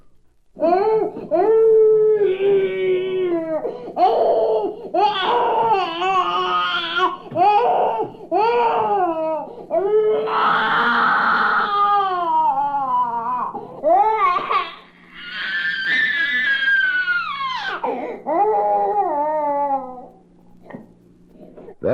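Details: Normal, healthy toddler cry: repeated strong wailing bursts with short catch-breaths between, over a faint steady hum; from a 1967 recording of baby sounds.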